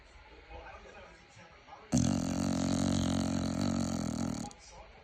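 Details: Staffordshire bull terrier snoring: a loud, rough, rattling noise lasting about two and a half seconds, with quieter breathing before and after.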